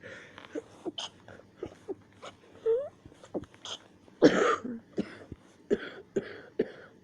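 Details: Repeated brief coughs during a bout of coughing and sneezing the person describes as rough, nearly choking: short, sharp explosive bursts with one louder, longer burst midway.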